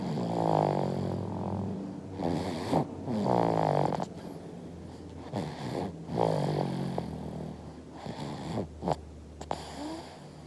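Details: Infant snoring.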